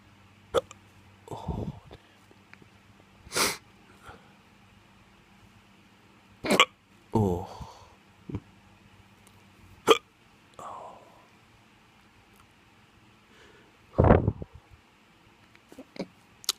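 Sharp, abrupt bursts at irregular intervals, about seven in sixteen seconds, with soft vocal noises between them: hiccups.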